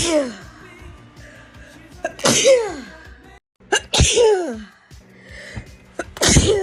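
Three loud sneezes in quick succession, each with a sharp hissing burst and a voiced cry, heard over background music; a sneezing fit.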